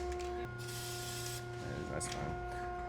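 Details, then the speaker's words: Aerosol bandage sprayed over a crack in a bull's built-up hoof, treated for suspected abscess and possible joint infection; steady one-second hiss over background hum. "I mean this is an aerosol bandage and this is just going to kind of coat that"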